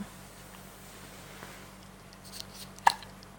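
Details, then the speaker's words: 2-week-old baby with hiccups just after a bath, a single short, sharp hiccup in a quiet room with faint background hum; hiccups. "someone has hiccups OH hiccups needs t.o.o pickups ah just after the bath"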